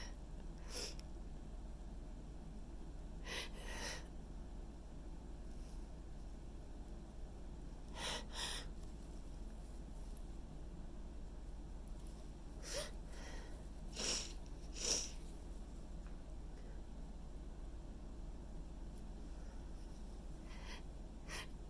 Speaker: tickling. I don't know if I can hold back.